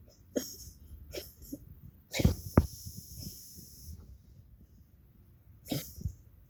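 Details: Pet coughing, recorded for a veterinarian: a series of short, harsh, breathy coughs with a hissing sound between some bursts, then quiet.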